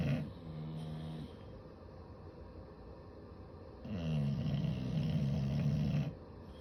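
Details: Loud, low, rattling, fluttery snores, two long droning breaths, from two sleeping bulldogs cuddling together after a long day of play.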